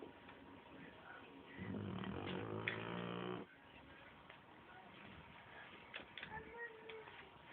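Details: One rough, vibrating snore lasting about two seconds over steady room noise; snoring.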